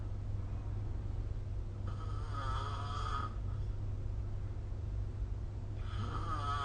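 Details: Snoring sound recorded with the SnoreLab smartphone app.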